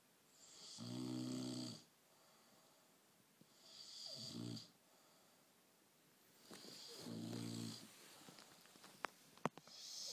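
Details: Bullmastiff puppy snoring: three low, rumbling snores about three seconds apart, each followed by a hissing breath out, in a quiet room.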